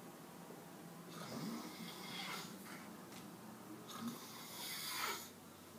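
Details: Adult man who denies snoring, asleep in a quiet room; rough, rattling noises with each inspiration; snoring.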